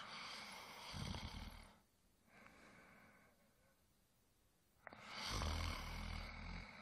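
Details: Adult male snoring during sleep: loud, rough, rumbling inspiratory snores with quieter breathing between them, about 14 a minute; ordinary sleep snoring.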